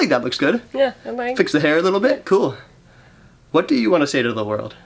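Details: Adult man speaking; typical speech.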